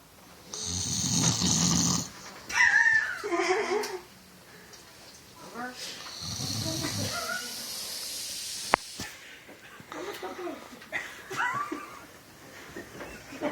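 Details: Adult man (father) snoring on Christmas day, apparently tired: heavy, rumbling snores with a few snorts over background voices and room noise; snoring.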